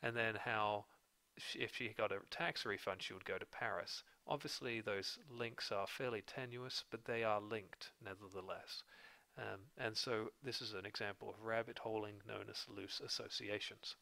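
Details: Adult male narrator; normal speech.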